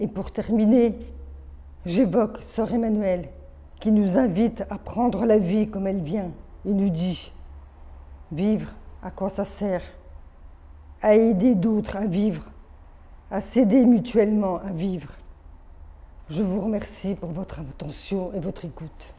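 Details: Adult woman born deaf with over 80% hearing loss from maternal rubella in early pregnancy, speech therapy from age 2 through middle school, phoniatric voice work, hearing aids from age 7, oral upbringing; hears own voice poorly. Speech of congenital deafness.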